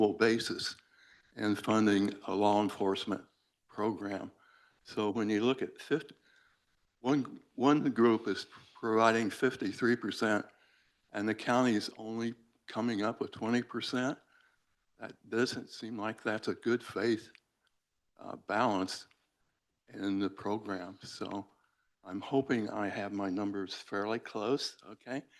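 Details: Adult male speaker; normal voice.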